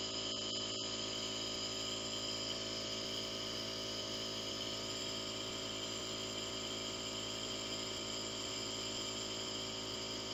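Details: Jet nebulizer compressor running with steady loud humming and hissing during a twice-daily asthma breathing treatment, patient seated upright holding the machine in lap and inhaling medicine through a mouthpiece.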